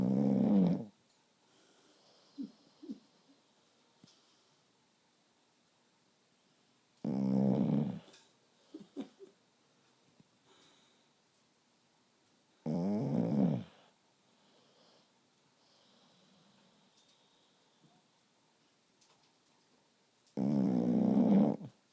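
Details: Four loud, rough snores separated by long silent gaps, with a few soft snuffles between them; snoring that keeps the recorder awake at night.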